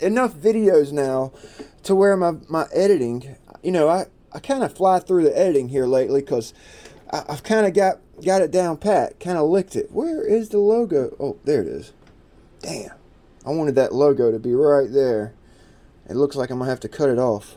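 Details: Adult man who describes himself as someone who stutters and repeats himself a lot; stuttering.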